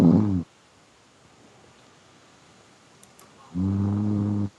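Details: Sleeping pet named Hatahata snoring: two low, rumbling, buzzy snores about three and a half seconds apart, with near-silence between them.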